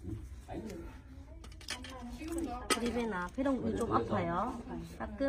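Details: Little daughter crying after a vaccination injection: fussy, rising and falling infant wails, an expected short-lived reaction to the shot.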